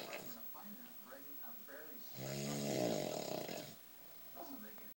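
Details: Adult man asleep, snoring loudly every night: one loud, rough, buzzing inward snore about a second and a half long, with quieter murmuring before and after; snoring.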